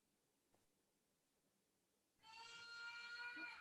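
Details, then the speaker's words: A baby's high, wavering cry starting after a quiet pause, heard from outside the room during an online English lesson. "Can you hear someone crying? My baby's crying outside."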